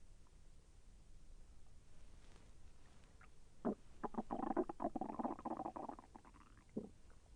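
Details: Bowel sounds (borborygmi) during digestion: a bubbling, gurgling rumble lasting a couple of seconds over faint hiss. The person felt the intestine move and said it was a little painful.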